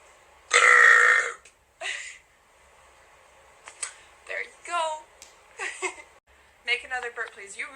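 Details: Person burping on request during a live stream: one long, loud burp opens, followed by shorter burps mixed with talking.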